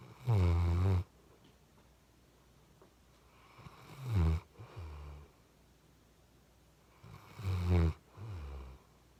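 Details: Snoring from a tired chocolate Labrador puppy after a long walk.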